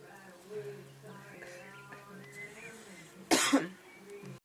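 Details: One harsh, double-burst smoker's cough after a shower, over music and room noise.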